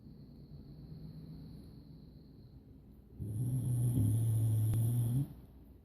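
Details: Dog snoring during sleep: quiet low rumbling breathing, then a louder, longer low snore lasting about two seconds.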